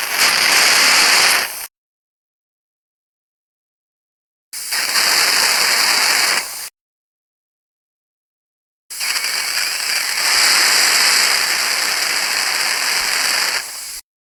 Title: Dentists Saliva Pump Suction | Best Sound Effects Free